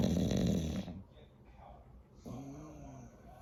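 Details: Bulldog, flat-faced, loud rough snoring noise followed by a softer rattling breath through the nose; snoring.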